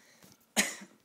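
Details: Sick adult man, feeling like there's water in his throat, gives one sharp, explosive cough with a hissing tail when laughing: cough.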